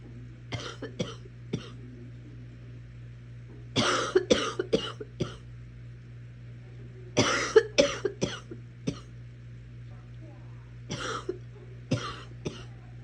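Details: Four bursts of harsh coughing, each of two to four coughs, over steady room hum: a person coughing while watching Netflix.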